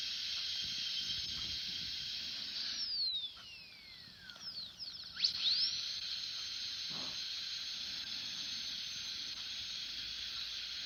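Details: Dental drill sound effect: a high, steady whine that dips and sweeps in pitch as the drill slows and speeds up again.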